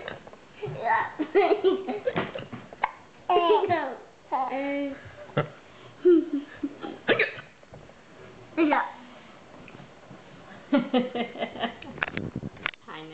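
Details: A young child hiccupping while laughing and babbling, with short, abrupt catches in the breath; hiccups, recorded 2010-09-09.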